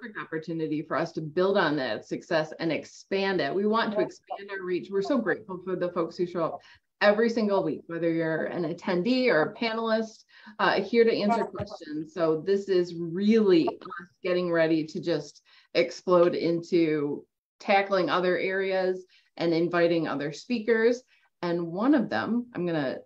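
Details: Adult woman speaking, webinar host; ordinary speech.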